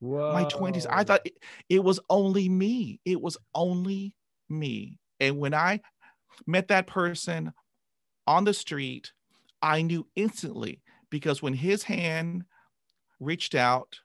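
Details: Adult man who began stuttering at age 5 after a traumatic dog attack and has had 20 years of speech therapy. Finding: stuttering.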